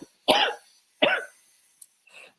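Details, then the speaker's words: Adult, sick at time of recording, gives two distinct harsh cough bursts followed by a faint throat-clearing sound. "Yeah, you can hear and see the coughing happening right now. It's we're not going to stick around for very long this stream."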